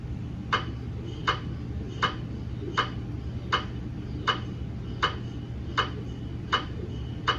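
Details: Gradient noise from a GE MRI scanner during a daily quality-assurance scan of a 150 mm head phantom: evenly spaced sharp knocking about 80 a minute over a steady low hum.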